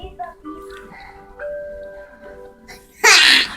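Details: 4-year-old boy sneezing on command, an ability he has had since age one and a half: one sharp, explosive sneeze near the end, following quiet tones and music.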